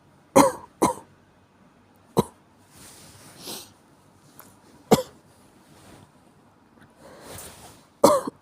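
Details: Common cold: five sharp, loud cough bursts, the first two paired, separated by noisy breaths.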